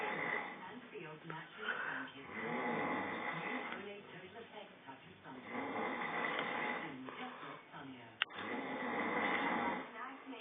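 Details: An adult man (the uploader's dad) snoring: rough, noisy snores on each breath in, about 18 breaths a minute, with quiet pauses between them; ordinary snoring.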